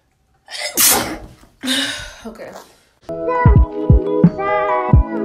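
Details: A person's own sneeze, self-recorded as part of a year of recording their sneezes.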